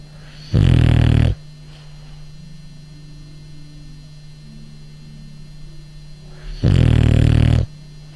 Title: Bulldog of the French,so Cute,Snoring